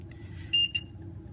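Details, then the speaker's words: Two short high-pitched beeps over room hum: a PCA infusion pump reminding that the start button has not been pressed, with a bolus dose pending, after the IV site was checked for redness, edema and leakage. "and blood's backing up and the machine's reminding me hey you didn't start hit the start button"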